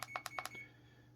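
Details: Five short, sharp electronic beeps as keys are pressed on a CADD PCA morphine pump already in use, while the continuous rate is raised from 10 to 25; infusion pump keypad beeps.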